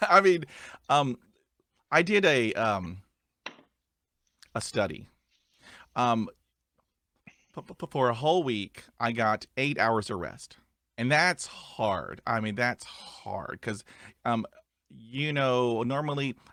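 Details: Adult male who stutters; stuttering.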